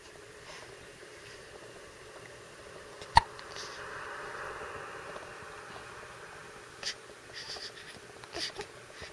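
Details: 1-week-old baby having hiccups while trying to relax.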